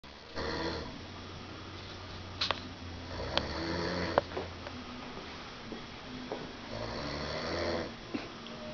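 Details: Soft, low snoring breaths with faint room noise and a few clicks.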